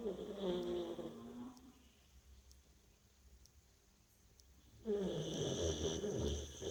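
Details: Tired dog in sound sleep snoring: fluttering, buzzing snores on the breath separated by a quiet pause.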